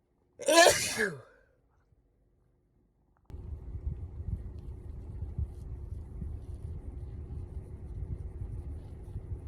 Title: Up close induced sneezes